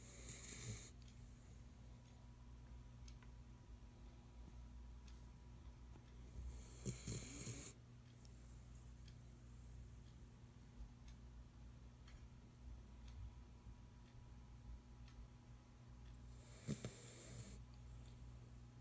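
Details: Pit bull dog snoring very loudly while asleep after working all day: low, steady rumbling snores with a few louder snorting breaths over faint room hum.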